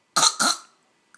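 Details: A young boy gives two quick, deliberate coughs in a row on purpose, not from illness, while an adult tells him to stop; voluntary cough.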